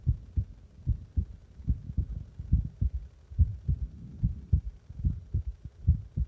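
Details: Own heartbeat recorded after pressing on the chest: deep, regular thumping at about 72 beats a minute, with a muffled hum in the background.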